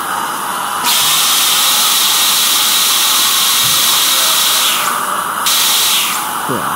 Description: Noises of the dental surgeon working on the patients teeth and fillings plus the sound of suction and drilling.